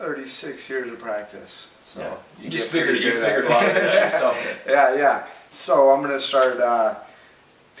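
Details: Adult man, a former professional fighter, who has stuttered since childhood and still has a mild stutter; stuttering.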